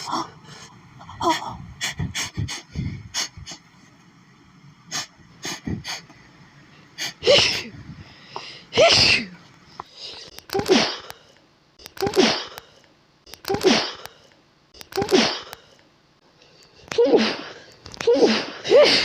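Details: Itchy, tickly sneezing fit from flowers, tried to stifle: sniffs and catching breaths build into a long run of about ten forceful, closely spaced sneezes.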